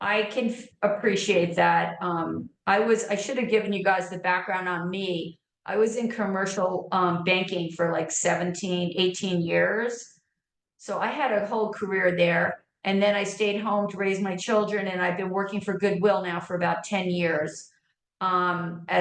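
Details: Adult woman; ordinary speech.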